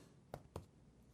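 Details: Chest percussion for diaphragmatic excursion during a pulmonary exam, moving upward from dullness until the resonant point is found: a resonant percussion note over the lung.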